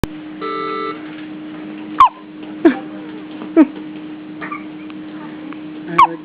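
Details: Four short, sharp hiccups at irregular intervals over a steady background hum: a bout of hiccups described as happening daily.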